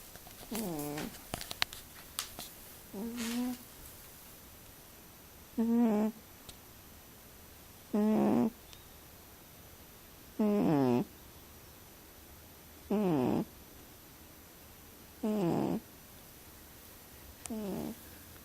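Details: Poquita snores: regular, short, squeaky-nasal snores about every 2.5 seconds, roughly 25 a minute, in a quiet room; snoring during sleep.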